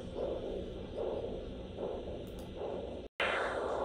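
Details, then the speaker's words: Handheld acoustic Doppler probe over a free-flap perforator artery at the blue suture site during postoperative flap monitoring: regular pulsatile whooshing arterial signal about 75/min, with a constant hiss of nearby venous flow between beats. Pulsatile arterial Doppler signal. "in this video you can hear the pulsatile sound of the artery but if you listen in the background between the pulsatile Beats of the artery you can also hear the constant sound of nearby vein blood flow"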